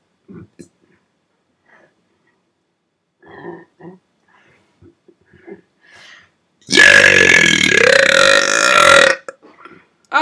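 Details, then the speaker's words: Quiet talk in a small room at about 5 a.m., then one long, loud, voiced belch lasting about two seconds, the first in a while; single burp. "So yeah. It's all about burping."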